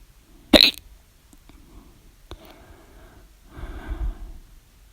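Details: One sharp, loud hiccup at the start, followed by quiet breathing and a soft later sound: a bout of hiccups recorded around 12:24 a.m.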